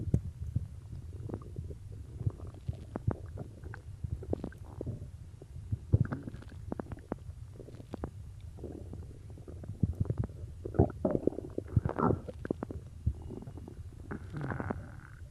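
Low gurgling and rumbling stomach noises with scattered bubbly pops, ordinary stomach growling.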